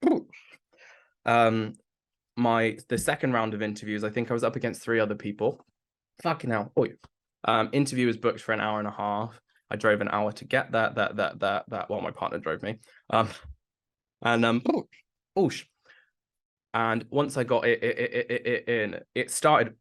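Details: Adult man with Tourette syndrome beginning in his mid-20s after brain damage, with complex tics that worsen with nervousness or heightened emotion, plus a stammer that was worse in the past; vocal tics (including coprolalia) with stammering.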